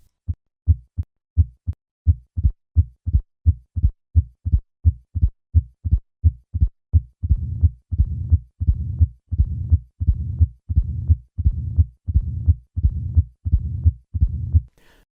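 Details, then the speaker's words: Simulated heart sounds at 85 a minute: normal sounds, then a loud opening snap, then the low rumbling diastolic murmur of mitral stenosis, easily mistaken for a systolic murmur at this rate. "Listen to the murmur of mital stenosis at a heart rate of 85 and notice how easy it is to mistake this for a systolic murmur. I will begin with normal heart sounds and then add the opening snap and then the murmur."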